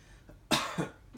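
One deliberate adult cough with a short second burst, done on request during an abdominal check for hernias.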